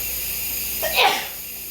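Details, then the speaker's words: A single short, explosive sneeze from an adult while canning and processing dried hot peppers, with the canner running; the nose is running afterward. "like the, oh, I'm going to sneeze. Excuse me."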